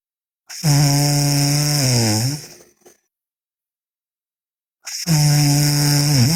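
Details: Sleeping girl snoring loudly: rough, droning snores on inhaling, two long breaths with a pause between them.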